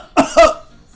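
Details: A single two-part cough, a short burst followed by a louder second burst, in a quiet room, demonstrated in a doctor's explanation of cough types and their causes; cough.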